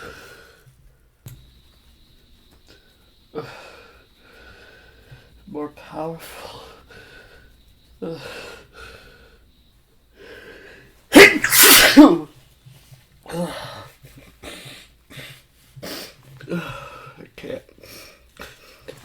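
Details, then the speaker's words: Build-up breaths and hitches, then a loud sneeze burst, panting and sniffs; a male says his sneezes have lately become bigger and the tickle is felt in his whole body; sneeze. "i feel uh i feel sneeze coming hey oh god i don't know why but lately my sneezes have gotten just bigger"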